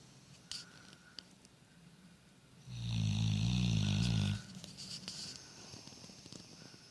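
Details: Fast asleep and snoring: a loud, low, rattling snore lasting nearly two seconds, with quiet breathing and faint room noise around it.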